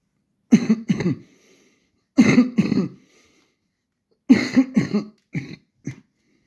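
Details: Adult prescribed two weeks of antibiotics for a cough gives short bursts of harsh coughing with some throat clearing, about eight coughs in three clusters over six seconds, in a quiet room.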